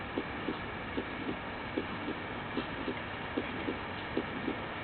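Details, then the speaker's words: Simulated heart sounds on a Cardionics SAM manikin at the aortic area, about 75 a minute: harsh murmur lasting throughout systole, peaking late and ending at S2; severe aortic stenosis. "simultaneously you are hearing this sound as heard at the aortic area note that the murmur is throughout systole with late peaking ending at s2"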